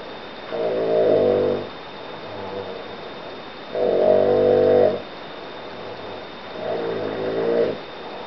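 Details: Man snoring after a late night working: three loud buzzing snores on the in-breath, about 21 breaths a minute, with quieter breathing out between.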